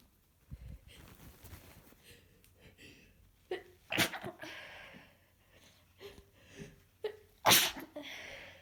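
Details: Adult several days into a heavy head cold, very congested: a fit of several sharp, loud sneezes, some stifled, with wet sniffles and breaths between.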